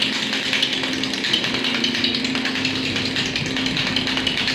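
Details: Rapid, somewhat irregular mechanical tapping with a buzzing tone from a pneumatic shockwave therapy device in operation, used at a physiotherapy clinic to treat low back pain; the patient has had pain for seven years and has been treated for 15 days.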